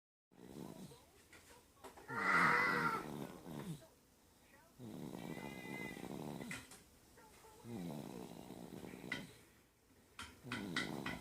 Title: 11-4-15 snores